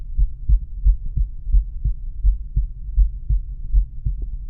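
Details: Male's own heart auscultated with a stethoscope diaphragm, moving through aortic, pulmonic, Erb's point, tricuspid and mitral/apex areas: normal heart sounds.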